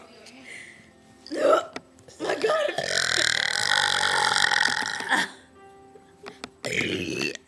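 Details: Friends deliberately burping on cue in a contest, one complaining a burp is stuck and hurts: a long, loud, drawn-out belch of a few seconds with shorter bursts, music and voices behind.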